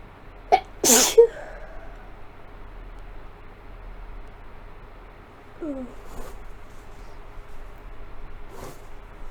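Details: Person with a cold, sick since Thursday: a sneezing fit with a quick sharp sneeze, then a longer second sneeze and a few softer sounds over steady computer fan hum; messy sneezes combined from several fits.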